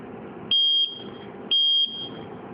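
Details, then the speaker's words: Two short, steady, high-pitched buzzer tones about a second apart from a student-built alcohol detector, signalling the measurement result (0.0%). "setelah tampil bazar akan berbunyi dan hasilnya 0,0% sesuai dengan yang kita inginkan"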